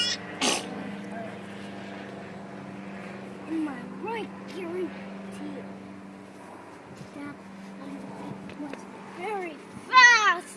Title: Bees and a funny sneeze